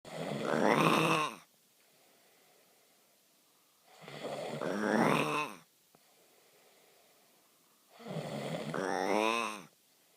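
Three long, loud, rumbling snores on the in-breath, about every four seconds with quiet gaps between; snoring, roughly 15 breaths a minute.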